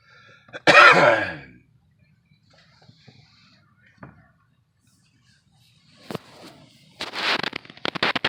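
One loud, harsh throat-clearing burst, then quiet room sounds and a few short rough noises near the end; throat clearing.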